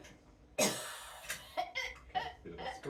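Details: Girl with 22q11.2 deletion syndrome, seizures and dystonia, heavy dribbling, coughing after aspiration while taking oral CBD: a sharp, explosive cough then several shorter wet bursts; oxygen saturation 97, heart rate 70 afterwards.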